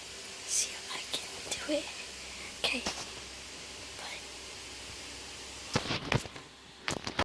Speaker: I can sneeze with my eyes open here.